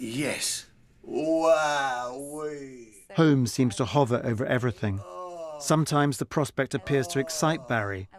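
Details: Adult male narrator; normal speech.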